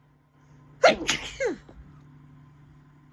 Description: Rapid, hard sneezing for dusty room